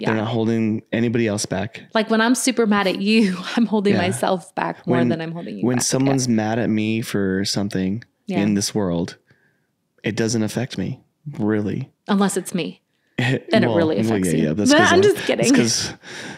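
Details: Adult speaker; Normal conversational speech.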